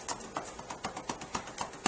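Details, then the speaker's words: Respiratory therapy students demonstrate chest physiotherapy: rhythmic hollow cupped-hand clapping at about four per second, avoiding bony protrusions, 3–15 minutes, to loosen secretions; chest percussion. "so how you do percussive percussion is you're going to cup your hands like this like you're like like you're making a little teee pretty much like that so you're just going to"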